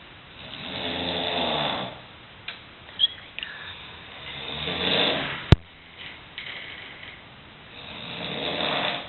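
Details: Snoring of the uploader's brother, recorded through the wall from the next room: loud, deep, rasping snores lasting a second or two each, with faint room noise between; the uploader jokingly blames tobacco.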